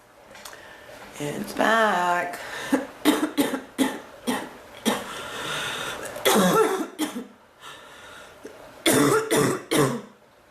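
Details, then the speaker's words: A woman's coughing fit, painful in her chest and back, that gets better and worse and feels to her to be drying up: repeated harsh coughs with throat clearing and strained voiced breaths between bursts. "cough it seems like it gets better and it gets worse"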